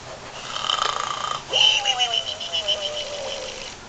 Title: ARNOLD SNORING PIG BY GUND